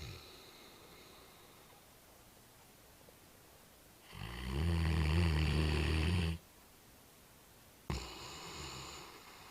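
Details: Two loud, low, rattling snores, the first long and sustained, the second shorter, from Talos, a sleeping Great Dane, in a quiet room.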